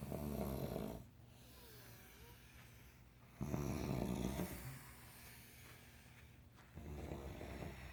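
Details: Loud rattling snores about every three seconds, around 18 a minute, faint whistle between them: snoring.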